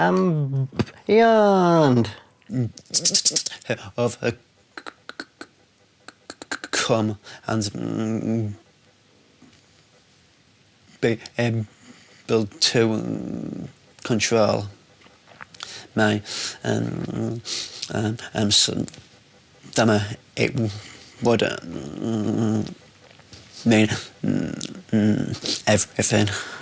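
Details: Man with a stammer introducing himself at the start of an intensive 4-day McGuire Programme course, before learning the technique; word repetitions and hesitations; stuttering.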